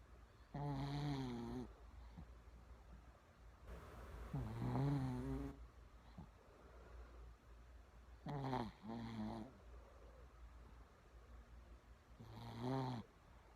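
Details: Sleeping female Shih Tzu, born December 2009, snoring: loud rumbling snores with a clear buzzing tone, four in about 14 seconds.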